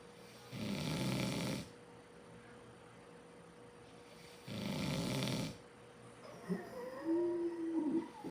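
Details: Sleeping coyote brothers snoring: two rough snores about four seconds apart, then a short high squeak or whine.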